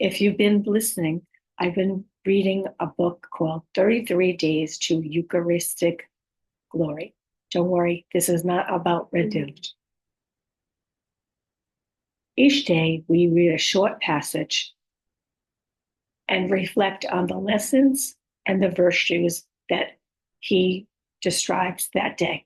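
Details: Woman with communication challenges after a stroke, her speech sometimes hard to understand; exact diagnosis unspecified (aphasia, apraxia of speech or dysarthria); post-stroke communication disorder.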